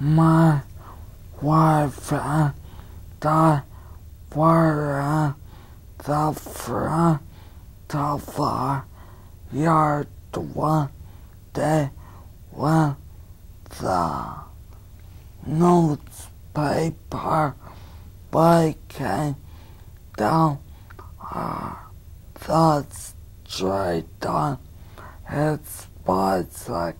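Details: Patient reading a paragraph aloud during a speech assessment, an educational example; spastic dysarthria.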